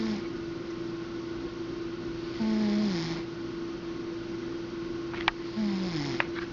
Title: Snoring Cat